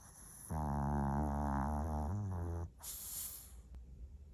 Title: 코고는 차롱 / snoring maltese